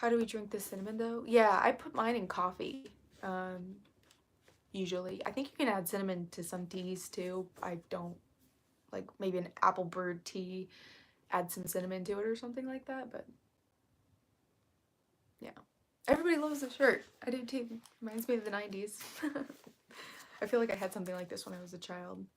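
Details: Vocal fry in an adult female, self-reported as currently really bad, which she attributes to speaking quietly so as not to disturb someone working in another room; vocal fry.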